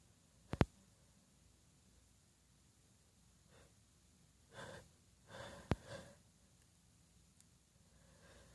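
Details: Female suppressing a sneeze to stay quiet while others sleep: a soft, stifled sneeze with quick airy breaths before and after in a quiet room.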